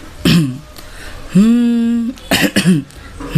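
Short, harsh cough-like bursts from an adult, with one held sung note between them; a cough during a cold.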